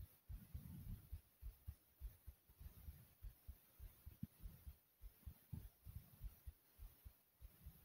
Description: Listen to the thumping sound of my heart beating through my chest.